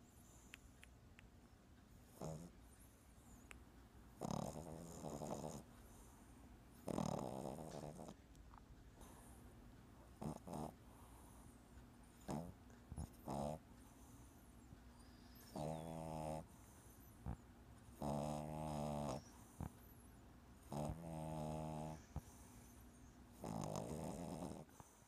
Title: My bulldog puppy snoring